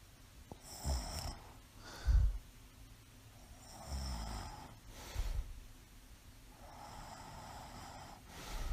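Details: Adult sleeping soundly with mild sleep apnea, mild asthma and a congenital heart murmur; rough, rattling snores alternate with breathy exhalations at about three breaths in eight seconds, with a few pauses in breathing; snoring during sleep.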